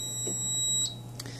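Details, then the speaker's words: Allied Healthcare AHP300 transport ventilator powering on from factory settings and running its self-check: a short high-pitched electronic start-up beep over a low room hum. "and the first thing you'll note is it'll go through a self check and then it'll start ventilating in whatever settings the ventilator was turned off in when it was shipped from the factory"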